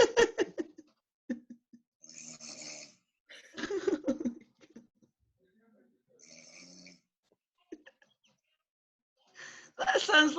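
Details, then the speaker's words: Loud, rattling snores every few seconds with quieter breaths between, heavy snoring during sleep, played back from a sleep-recording app on a phone; likened to a horny buffalo. "And there's no sleep talking, but it's all snoring. So listen."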